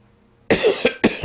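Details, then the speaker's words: An adult with a tickly throat, something caught in it, gives two or three sharp, harsh, rough cough bursts close to the microphone after a brief quiet moment: a single spontaneous throat-tickle cough. "me sometimes you get a little tickly something caught in your throat and it sounds particularly rough and with such a cool cosmic microphone as i have now where you can hear the clarity of my cough"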